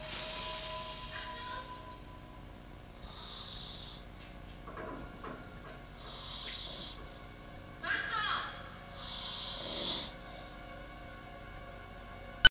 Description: Sleeping and snoring.